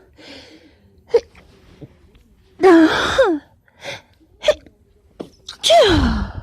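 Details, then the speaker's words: Repeated sneezes, some partly stifled as they get harder to hold back: short breathy bursts and two longer voiced sneezes in a quiet room; sneezing. "It's getting harder and harder to stifle, so I mean, I will."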